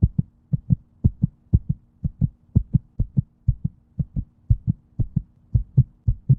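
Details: Clear, regular lub-dub heart sounds at about 118 beats a minute with no background noise; a steady heartbeat.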